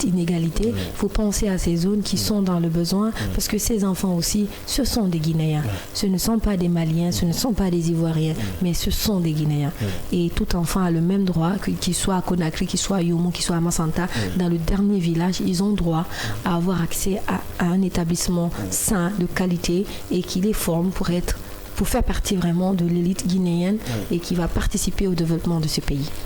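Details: Adult speaker; Normal speech.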